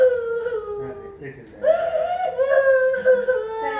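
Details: Girl turning 6 years old crying while getting her blood drawn: short, uneven, tremulous whimpers and cries; distressed crying during a painful procedure.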